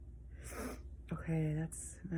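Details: Person lying down and sneezing: a quick breathy intake, then a short voiced explosive burst, a single sneeze in a quiet room.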